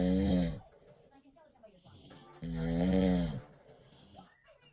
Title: Sawing logs. #snoring #snore #husband #husbandwife